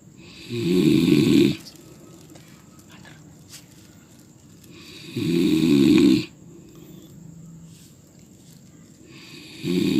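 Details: Loud, rough, rattling snores on each breath in, about 13 a minute, with quiet breaths out between; person snoring.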